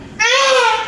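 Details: Newborn just after normal vaginal delivery with a nuchal cord: a single loud, clear, sustained cry; a vigorous normal newborn cry.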